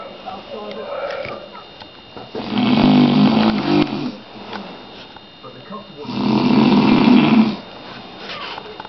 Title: Snoring dad head bop